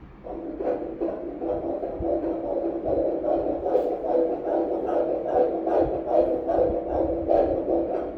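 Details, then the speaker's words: Normal fetal heartbeat heard by Doppler during a second-trimester morphology ultrasound of a male fetus in breech (sitting) position: rapid, regular whooshing pulses at 146 beats per minute, with a structurally normal four-chamber heart. "Vamos escutar o coraçãozinho. Certinho, a frequência cardíaca 146."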